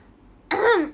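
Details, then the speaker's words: After a brief quiet moment, one short voiced cough close to a throat clear, from an adult in a small room during a livestream, after announcing a pause to cough: cough. "Sabar aku batuk dulu. Sabar aku batuk dulu. Sebentar aku batuk dulu."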